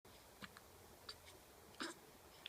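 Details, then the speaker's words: Three faint, sharp, brief hiccup catches over a couple of seconds against quiet room noise; hiccups. "no, you got hiccups. Hey, buddies. Hiccup. Hiccup."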